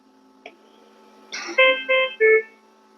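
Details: Aeonmed VG70 ICU ventilator during a demonstration: a soft click, then a short rising series of three clear electronic tones as the standby button is held 3 seconds and the ventilator enters standby mode.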